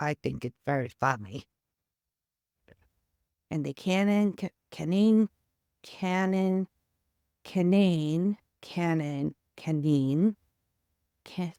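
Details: Third-generation Canadian woman whose November 2023 stroke caused aphasia and apraxia of speech, with foreign accent syndrome from February; she now sounds possibly Eastern European and makes repeated attempts at 'canine'; apraxia of speech.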